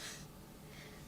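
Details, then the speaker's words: A cat snoring while asleep indoors: a faint, brief breathy snort with a soft low rumble, which at first sounded like a weird bird. "oh oh that's my cat snoring oh my God I was like what is that noise it's mango snoring that's so cute"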